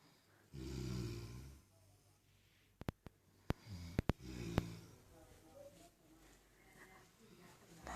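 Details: A deep, rumbling snore on inhalation, then several sharp clicks and a second softer snore, with faint room noise; people snoring on Thanksgiving afternoon around 5:30.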